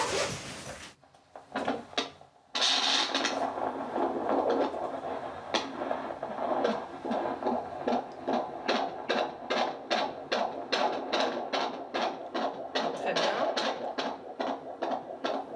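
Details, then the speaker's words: Pregnant woman at a midwife visit: normal fetal heartbeat on Doppler, rapid, regular whooshing at about 145 beats a minute, described as very regular; no uterine contractions reported with exercise. "Voilà, à peu près à 145 battons par minute. Oui, c'est bon. C'est parfait."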